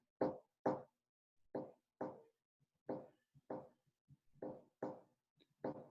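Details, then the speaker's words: Normal heart sounds in a teaching lecture: regular paired first and second sounds each beat, about 43 beats a minute; normal S1 and S2. "Fíjense bien, estos serían latidos normales."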